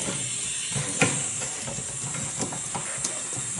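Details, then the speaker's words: EMT skill demonstration on a dummy (simulated): high-flow oxygen at 15 L/min through a non-rebreather mask, given before suctioning, with a continuous steady hiss and faint handling clicks. "We Begin by just attaching them to high flow oxygen before and after each attempt of suctioning so starting out with 15 liters per minute on an owner breather"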